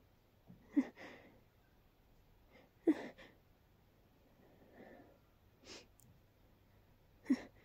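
Three sharp sneeze bursts, each followed by a short exhale, with quiet breathing sounds between them in a small room.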